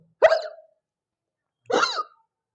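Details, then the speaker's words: Hiccups given as an example of the word "hiccup": two short, abrupt, gulping sounds about one and a half seconds apart against silence. "इस तरीके के movement आपके body के अंदर कभी action इस type का अगर होता है उसको इंग्लिश में हाईक्यूप कहा जाता है हिचकी कहा जाति है और ये तभी होता है जब आप कुछ खाता हैं पीते"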